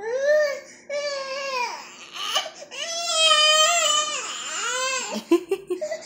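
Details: 7-month-old baby crying while running away: loud, rising and falling wails in a small room, ending in short sobbing catches; infant cry.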